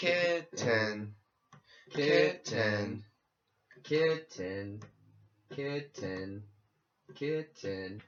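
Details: Acted (simulated) melodic intonation therapy session for expressive aphasia, practicing single words before building to larger words and phrases.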